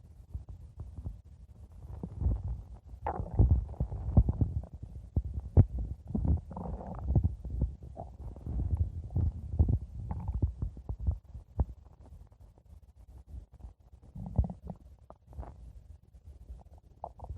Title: blue diamond stomach growling 5 minutes